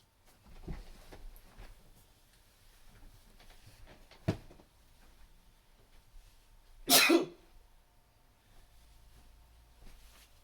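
Soft held-back sneeze bursts, one short muffled and one louder, with quiet breathing between; stifled sneezes.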